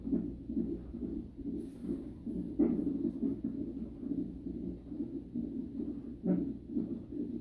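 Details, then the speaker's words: Rapid regular whooshing fetal heartbeat, about 136 a minute, on a fetal monitor during a 37-week non-stress test for a high-risk pregnancy; the rate rises when the baby boy moves, a healthy sign. "When the baby moves, you can hear when the baby moves, the heart rate will go up."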